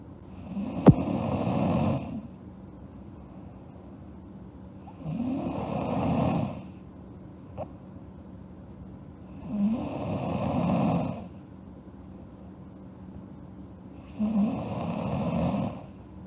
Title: Sleeping Girl Snoring (ALSG) Part 2